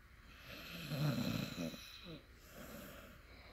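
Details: A sleeping puppy gives a single rough, rumbling breath sound; snoring.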